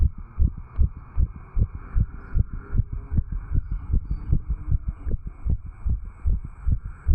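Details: Normal heart sounds of a 35-year-old male, recorded at the tricuspid valve area after jogging.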